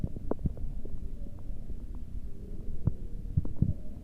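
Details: Adult abdominal bowel sounds: low, muffled stomach rumbling with a few brief gurgles.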